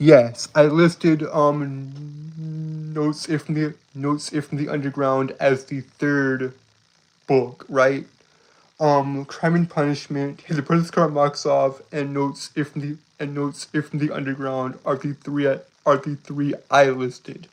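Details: Male streamer with a self-described speech impediment that makes it hard to say what he means; he streams nightly to improve his speaking; repetitions of words and part-phrases; stuttering-like disfluency.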